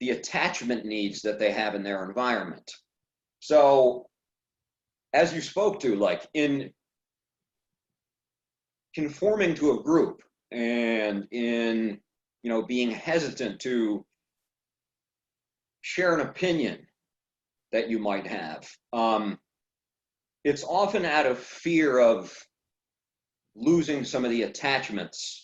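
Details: Adult man who stutters, speaking on a stuttering podcast; stuttering.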